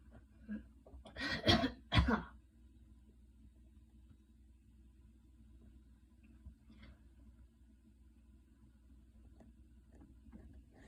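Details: Light cough after a ~10-minute super fast run in light rain: two or three short coughs in quick succession, then quiet breathing and faint room noise.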